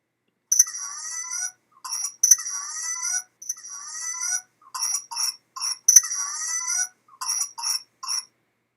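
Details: 4-month-old with a week of runny nose and coarse cough progressing to intermittent, severe cough: runs of short, tight infant coughs alternating with long, high-pitched rising breaths between spells; paroxysmal cough.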